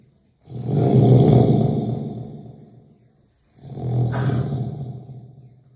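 Two loud, long, rumbling snores on breathing in, separated by a short silence: heavy snoring.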